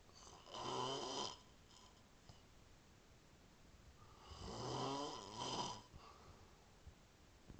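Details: A man gives two loud, rough, rattling snores on the in-breath about four seconds apart, with quiet room between them; ordinary snoring.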